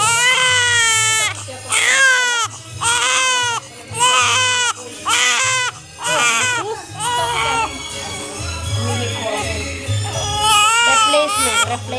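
Loud, rhythmic infant crying in repeated wailing bursts, about one a second, with some background music and room noise.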